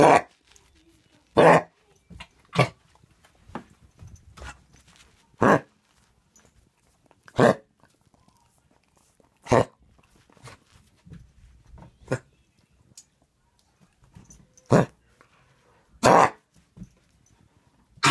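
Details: A dog gives about nine sharp, dry, honking coughs at irregular intervals, with quieter throat noises and breathing between; coughing.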